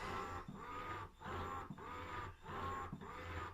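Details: Ameda double electric breast pump used by a breastfeeding mother with a fuller, slow-to-start side: rhythmic mechanical whirring with a low motor hum, cycling about 49 times a minute.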